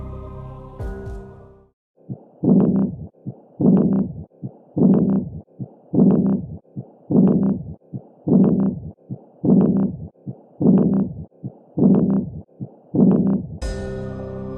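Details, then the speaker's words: Regular heartbeat about 51 a minute with a soft blowing murmur in early diastole, given as the answer to a heart murmur self-test question: an early diastolic murmur. "the correct answer is early diastolic [Music] murmur"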